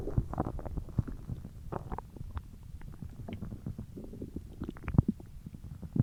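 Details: Stomach growling; borborygmi.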